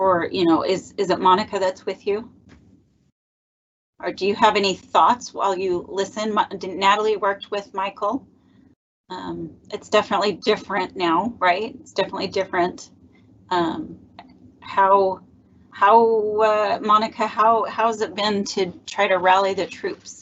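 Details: Adult speaker; no disorder.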